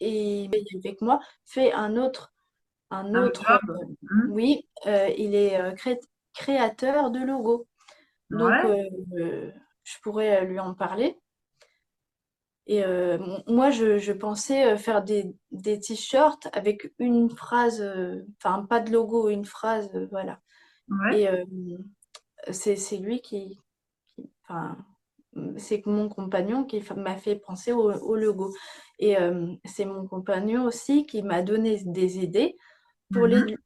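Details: Young woman, speaking French, with aphasia after a stroke at age 22 that severely affected her speech and grammar, years later; aphasia after stroke.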